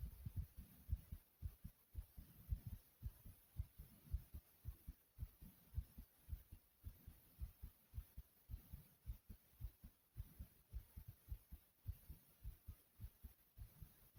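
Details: Heartbeat recorded after running in place: fast, regular, deep, pounding thumps at about 110 per minute; rapid heartbeat after exercise.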